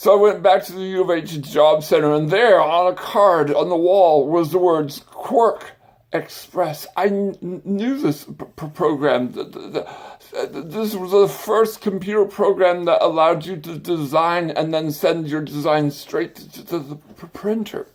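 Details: Adult man with an acquired stutter and speech impediment that began after brain surgery with complications the previous summer; acquired stuttering with speech impediment.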